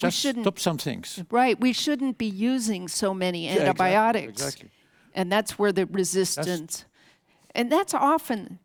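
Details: Adult woman speaking; normal speech.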